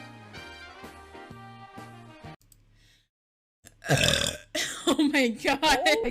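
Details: Girl giving a loud, long voiced burp followed by further rough belching sounds after music; ordinary belching of swallowed air.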